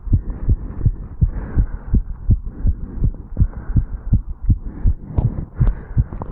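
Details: 35-year-old male, exercise-induced sinus tachycardia after jogging up stairs, recorded at the mitral (bicuspid) valve area while standing still: rapid, regular, strongly thudding heartbeat at roughly 165 per minute, some running noise.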